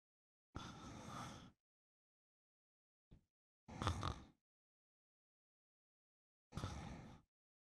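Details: Streamer asleep after taking melatonin, snoring during a stream; three rough, noisy breaths about a second long separated by silent pauses.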